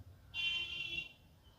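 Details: Simulated tinnitus: a sudden, piercing, high-pitched ring like a struck metal plate whose ringing lingers, illustrating sharp, loud ringing in the ears.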